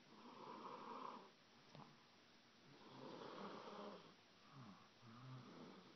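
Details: Soft, rattly snores, about three in six seconds, in a quiet room from a 21-month-old boy who fell asleep after reading a book; infant snoring.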